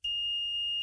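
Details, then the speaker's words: Ventilator alarm self-test run from the machine's test menu during leak-test setup, which cannot be silenced: a steady, uninterrupted high-pitched buzzer tone showing the alarm works normally. "and the alarm is basically testing if the buzzer works you can see you cannot silence it because it's only a test"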